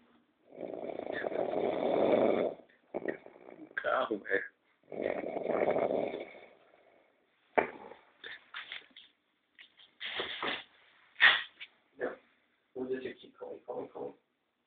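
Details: Person snoring: loud, rough inhaled snores followed by shorter snorts and sputtering breath noises in a quiet room.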